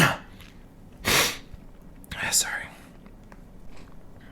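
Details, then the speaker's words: Deliberately induced sneezing by tickling the nostril with a stiff paper or cardboard tag: two sharp bursts a second apart, each with a quick intake of breath; a normal sneeze reflex. "I'm just inducing still the little uh kind of like a plastic uh clo tag kind of thing except it's it's more like cardboard or paper stiff paper it works pretty well"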